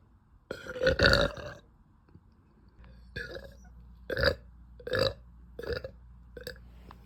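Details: Girl burping after dinner: one long loud belch then several shorter burps in a quiet room; burping.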